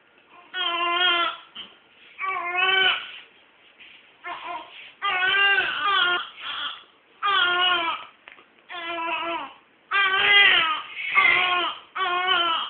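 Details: Newborn crying: repeated loud, high-pitched crying bursts with short pauses, about 12 a minute.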